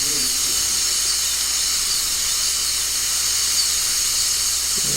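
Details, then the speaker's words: High-speed handpiece with the thinnest diamond point doing mesial proximal reduction of a maxillary central incisor, moving from buccal until it passes through to lingual, all-ceramic crown preparation in a student lab: continuous high-pitched whine with hiss. "버칼 측에서부터 전진, 후퇴 해가면서 삭제를 해 나가서 버칼과 링갈 측이 완전히 감통이 될 때까지 가장 가늘한 다이아몬드 포인트를 이용을 해가지고 삭제를 합니다."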